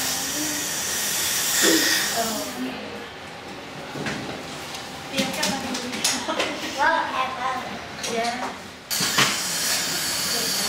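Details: Steady hissing of dental spray and suction that starts and stops, with talk in between, during a dental cleaning of a 5-year-old girl on a follow-up visit after a cavity filling.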